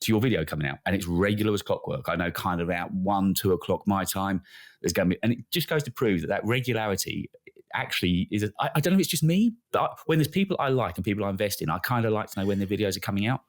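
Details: Adult male speaker; ordinary speech.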